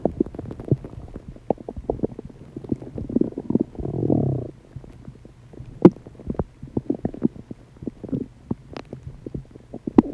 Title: loud digestive noises